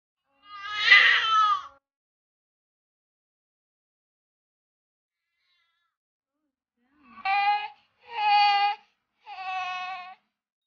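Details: Newborn at birth giving one long cry, then after a pause three short, thin cries; typical newborn cry.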